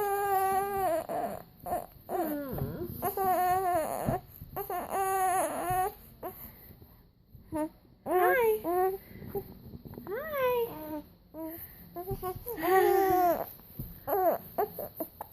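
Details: Infant during a bout of hiccups, crying: repeated wailing bursts with short pauses and whimpers between them, in a quiet room.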